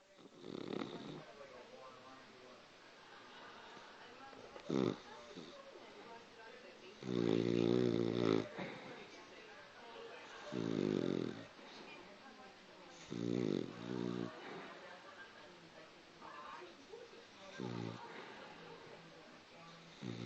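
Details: Sleeping Cockapoo dog: irregular rattling snore bursts about every three to four seconds, with quieter breathing noise between; snoring.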